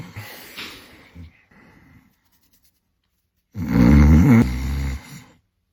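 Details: Quieter breathing, then one loud, rough, fluttering snore on an in-breath; snoring, described as arising when a restricted nose forces mouth breathing, jaw drop and tongue fall, making the airway vibrate.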